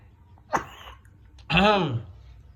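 A short sharp burst, then a longer voiced cough with a rough throaty sound, in a quiet room.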